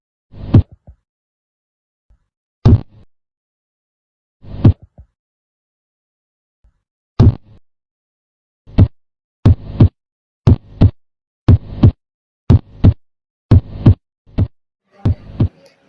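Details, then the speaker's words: Normal heart sounds demonstrated: low, clearly paired lub-dub at about 60 beats per minute. The first sound (S1, atrioventricular valve closure) lasts longer than the second (S2, semilunar valve closure), separated by systole and diastole. "Suara jantung dalam keadaan normal menghasilkan dua suara yang berbeda dan sering dinyatakan dengan lukdub atau suara jantung pertama atau S1 dan suara jantung kedua S2."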